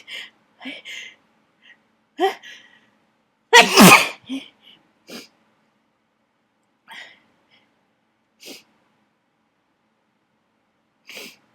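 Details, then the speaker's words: Dust-triggered sneezing fit in an attic: one loud, explosive sneeze among sniffs and snorts with soft vocal sounds while the person tries to hold back and talk. "it's as Dusty as you'd expected addict to be I'm going to I'm G to Snee I'm trying to hold back so I can so I could talk"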